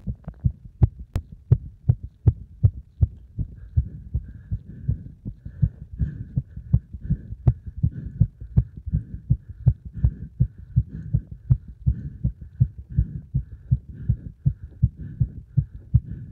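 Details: Heart sounds recorded after a combined beep test and squats: fast, regular low thumps at roughly 160 beats a minute with a faint hum behind, a rapid heartbeat after exercise.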